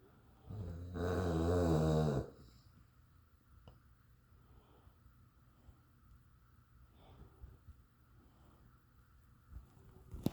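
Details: Snoring: one loud, low rattling snore lasting about a second, then quiet breathing with faint room noise.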